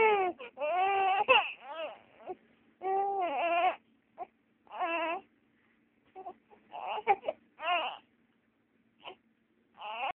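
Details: 3-month-old infant girl crying: rhythmic wailing cries with short gasping breaks and whimpers.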